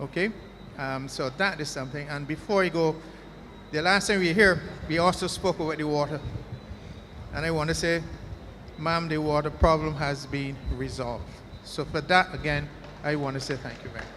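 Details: Adult male speaker at a public meeting; ordinary speech.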